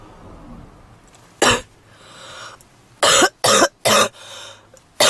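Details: Heavy smoker in a leather jacket coughing in a car right after lighting a cigarette: harsh, forceful coughs, one then a run of three, with noisy wheezy breaths between; smoker's cough, suspected smoker's bronchitis.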